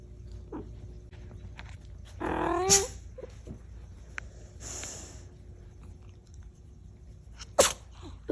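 A cat gives a brief vocal sound, then two short, sharp sneezes in a quiet room.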